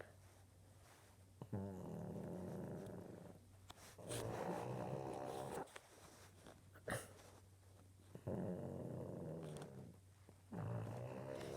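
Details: Flat-nosed dog snoring with rhythmic rattling, snorting, growl-like breaths; owner says it is not even asleep; snoring.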